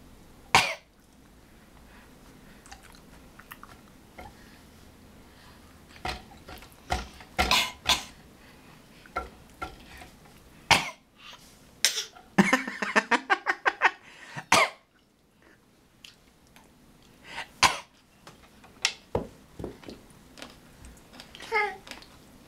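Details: A young child who is acting sick gives several short, sharp coughs amid kitchen clatter of dishes and cutlery.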